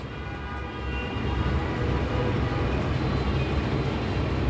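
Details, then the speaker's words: ORICH X-ray machine installation test: a steady, low motor rumble as the X-ray tube moves and the grid cassette tray follows automatically. Normal device operation. "First I move the extra tube. Exert tube is movement and then automatically movement the grid circuit tray."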